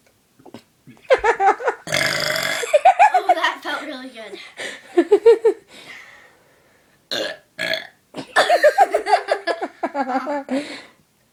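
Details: A child deliberately producing long, voiced burps mixed with talk and giggles; burping.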